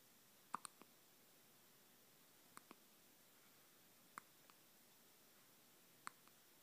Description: Teddy gets the hiccups. That's about it.